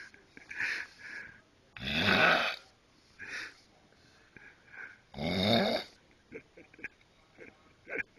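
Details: Snoring from Rey, asleep at night: two loud, rough snores with quieter snuffly breaths between, about 18 breaths a minute.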